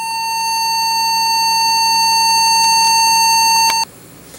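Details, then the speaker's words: Homemade DIY electrocardiograph monitor on the maker's own body: when an electrode comes off and the signal is lost, a steady unbroken high beep sounds for almost four seconds, then cuts off, a lead-off flatline tone. "Parce que c'est ça, desfois l'électrode se décolle puis ce qu'il arrive, c'est que ça me dit que je suis mort quand il n'y a plus de signal qui"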